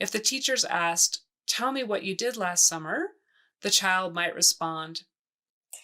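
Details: Adult woman; Typical adult speech.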